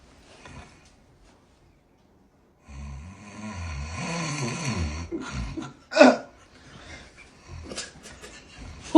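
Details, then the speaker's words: Loud snoring from a sleeping person, described as croaking "kwak kwak" noises like a water boat, keeping a companion awake. "pare naman para kang tambuo ng ano eh ng water boat eh bakit gumaganon ka kwak k kwak"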